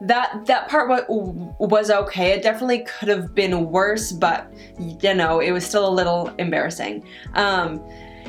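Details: Adult woman who stutters; she says her stutter varies with her stress and anxiety in the moment; stuttering.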